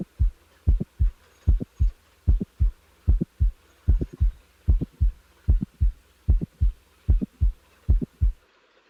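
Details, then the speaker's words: Mitral valve prolapse patient: regular heartbeat about 75/min with a crisp mid-systolic click between S1 and S2, click added before a late systolic murmur; mid-systolic click. "The next example is that of a late systolic murmur in a patient with a mitral valve prolapse. Now the mid-systolic click is added."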